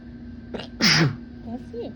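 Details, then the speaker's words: Induced sneezing on camera with a partner: short in-breath, then a single loud voiced sneeze, followed by brief quiet voices. "Yeah. My nose wants to sneeze again. I can feel it."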